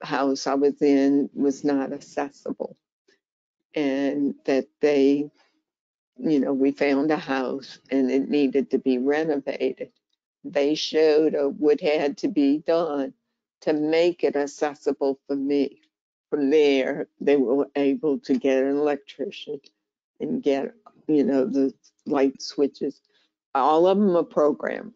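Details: Adult woman diagnosed with primary lateral sclerosis, a slower-progressing condition closely related to ALS, with a weakening hand, increasing walking difficulty and a changed voice; spastic dysarthria (primary lateral sclerosis).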